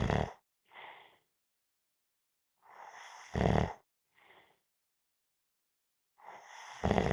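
Irregular noisy breaths with rough, snorting bursts on inhalation, separated by silent pauses: snoring.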